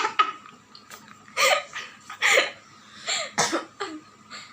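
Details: Reflex cough while eating very sour belimbing wuluh (bilimbi fruit) in a no-expression eating challenge: several short, harsh coughing bursts mixed with laughter and throat noises.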